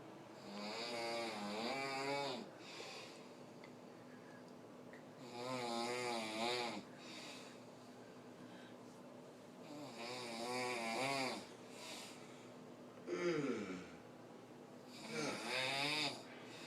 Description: My dad friend is here and he snored a lot and woke us up